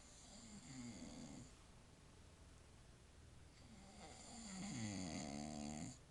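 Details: A sleeping man at 9:47 pm, exhausted after a 2-year-old's birthday party, gives two slow, rattling snores on the in-breath with a wavering nasal buzz; ordinary snoring.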